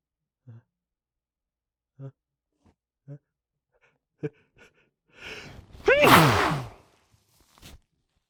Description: Managed to catch a small fit into some tissues. These felt big.